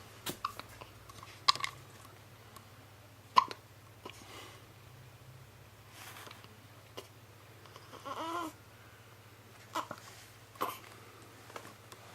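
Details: Sharp, abrupt hiccup sounds at irregular intervals, about 30 a minute, over a steady low hum; a bout of hiccups.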